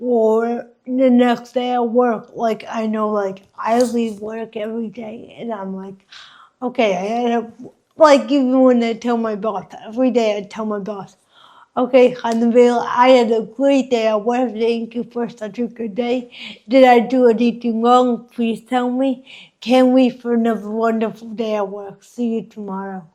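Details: Adult woman with hemiplegic cerebral palsy from oxygen loss at birth, affecting her face, mouth, drooling and speech; the host notes listeners may struggle to understand her; dysarthria (cerebral palsy).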